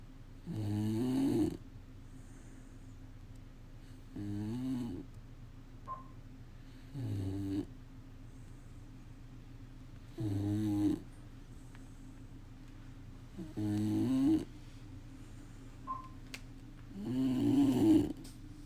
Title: Snoring dog หมาโกรนโครตดัง